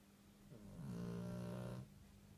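A single low, rumbling snore lasting about a second, rising and falling with the breath.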